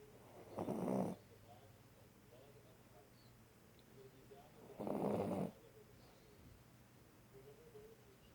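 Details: Dog snoring: two loud, rough snores about four seconds apart over quiet room noise.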